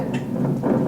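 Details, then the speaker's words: Simulated lung sounds heard through a speaker with some static: loud coarse crackles; coarse crackles. "of it might be staticky but that's what cracks them and those are coarse crackles coarse crackles are really loud"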